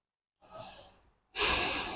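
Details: Patient breathing during a chiropractic adjustment: a breathy inhalation followed by a louder, forceful exhalation, a deep audible breath.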